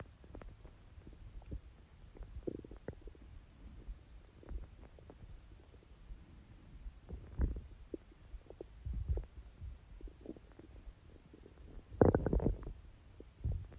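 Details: Watery stomach growls, quieter than usual for this person: low watery gurgles and rumbles in irregular runs, with a louder burst near the end; ordinary borborygmi.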